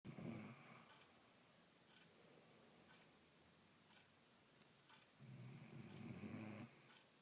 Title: Snoring